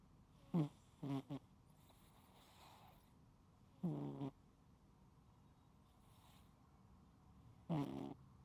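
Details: Cat asleep, unedited recording: short, raspy snores in brief bursts, some broken into two or three pulses, with quiet pauses between; loud ordinary snoring.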